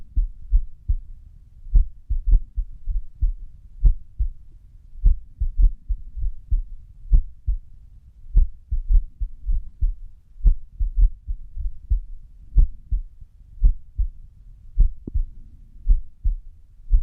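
Low thudding heart sounds at rest with uneven spacing between beats, an irregular rhythm.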